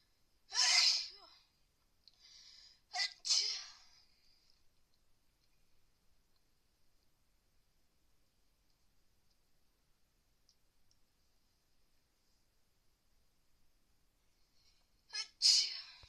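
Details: Three sharp, hissy sneezes, a close pair then one more, in a person with a bad cold and fever after bathing in a freezing pool; repeated sneezing.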